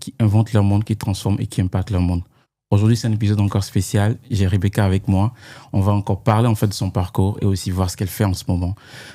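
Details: Adult speaker (podcast host); Normal fluent speech.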